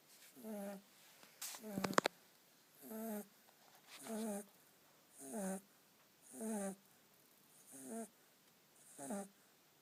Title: Kitten snoring